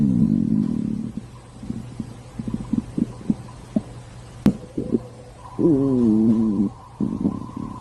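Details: Stomach growling: gurgling, creaking rumbles with a longer wavering growl near the end; ordinary borborygmi.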